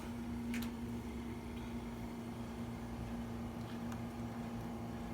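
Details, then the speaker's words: Oxygen concentrator demonstration, set to two litres per minute, buzzing briefly at start-up: steady low electric hum with a constant buzzing tone and faint air noise; oxygen concentrator running normally. "it's gonna make a little buzz the first 3 seconds"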